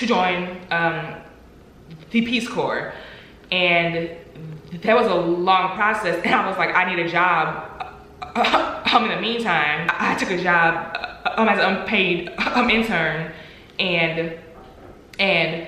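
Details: Adult woman with stuttering, real and not acted; stuttering.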